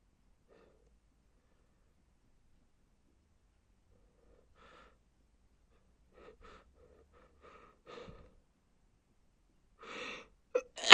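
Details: Male stifling sneezes: quiet catching breaths, a few muffled stifled bursts, then sharper released sneezes at the end; ordinary sneezing, felt good after releasing.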